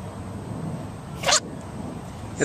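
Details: Single sneeze from an animal in a compilation of sneezing animals: a sharp, brief burst over quiet room noise, with a second burst starting at the end.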